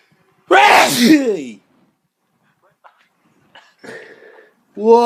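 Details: Dog sneezing: a single loud explosive sneeze, then quiet snuffles and the start of another burst. Sneezing.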